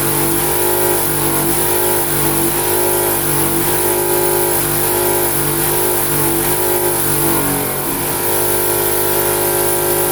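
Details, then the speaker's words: Suction machine running during an infant/neonatal suctioning demonstration, checked after connecting suction tubing: a loud, steady motor drone with constant hum throughout. "I'm going to connect this with my suction tubing I'm gonna put my suction machine on and we want to make sure that our motion is working"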